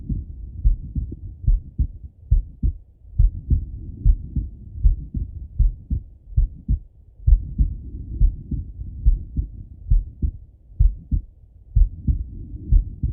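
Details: Male lying on his left side, heart heard through a stethoscope: steady lub-dub at about 67 beats per minute with low rumbling background; normal heart sounds.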